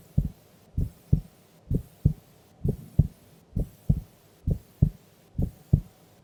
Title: Sleeping Female Heartbeat Sound